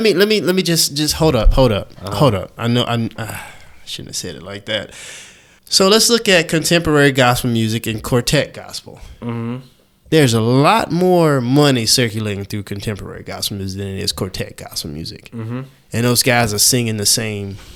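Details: Adult man who has stuttered since age 5, speaking on a podcast; stuttering.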